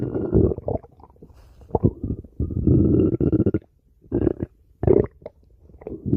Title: (Repost) Stomach Growling